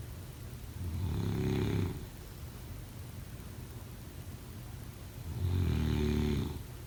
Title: Snoring sound 03/09/2025